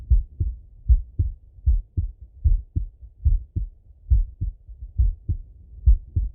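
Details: Full heart auscultation of a male, recorded either sitting at a desk or lying in bed: regular paired lub-dub at about 75 a minute with no extra sounds; normal heart sounds.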